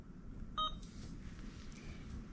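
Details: Alaris IV infusion pump keypad beep in a nurse training demonstration, while cefoxitin 1 gram in 50 mL is programmed and confirmed: a single short electronic beep as a key is pressed, with quiet room noise around it.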